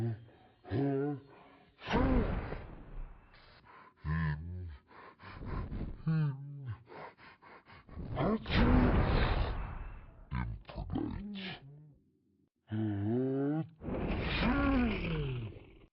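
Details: Cartoon character Meltus (Mixels) slowed down: drawn-out voice with repeated gasping in-breaths and groans building toward a sneeze; animated, not a real recording.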